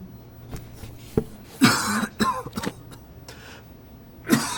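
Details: An adult gives several short, harsh cough bursts with a throat clear in a quiet room; an acted cough illustrating cough from respiratory illness such as cold, flu, COVID-19 or RSV.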